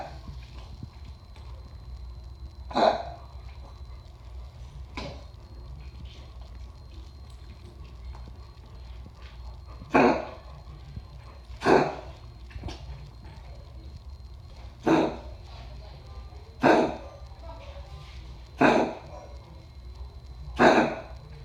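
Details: A sick dog with congestive heart failure gives about eight short, harsh coughs at irregular intervals.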